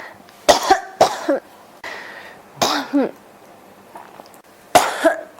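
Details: Repeated harsh coughs in quick succession, about five bursts with brief pauses; a persistent cough that won't stop.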